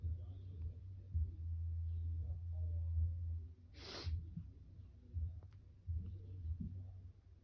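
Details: Male stifling sneezes triggered by Chhinkni sneezing powder, his second time using it: a single short, muffled, hiss-like burst over a low, steady hum, a sneeze held back with the mouth closed.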